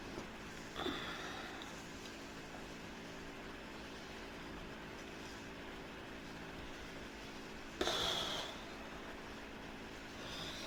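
Two sharp hiccups several seconds apart over steady vehicle noise.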